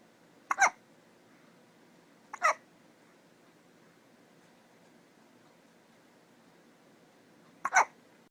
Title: Little baby hiccups